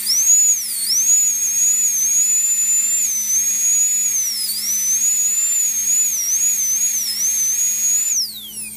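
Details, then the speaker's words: Steady, piercing high-speed drill whine with brief pitch drops under load, stopping abruptly. It is removing bone over the mesial roots of a Papillon dog's slab-fractured upper fourth premolar so the roots can be elevated from the socket during extraction. "I'm gonna remove some of the overlying bone here to make it easier to elevate the root from the socket"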